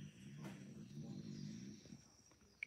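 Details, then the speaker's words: A low, bubbling gurgle of about a second and a half from an adult's stomach early in the morning (about 8:50 a.m.) before eating, attributed to hunger; stomach growling (borborygmi). "wow did you just hear that growl that was my stomach I guess I'm hungry still really early here right"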